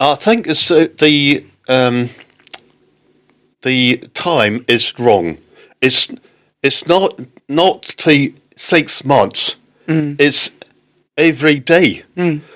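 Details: Non-fluent aphasia in an adult man, a father, after a stroke in October 2019; halting, non-fluent speech.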